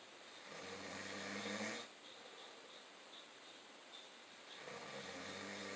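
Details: Snoring during sleep: two rough, rumbling breath sounds separated by a quiet pause.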